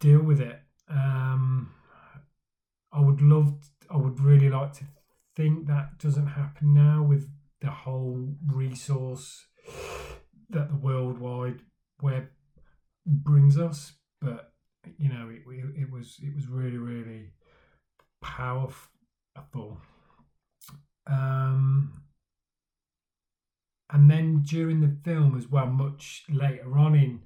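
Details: Male speaker who stammers, talking about his own stammering journey; stuttering (stammering).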